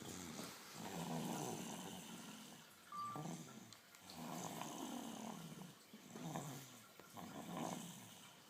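Rough, rattling breaths in and out, about 19 a minute, at a steady slow pace. Snoring during sleep.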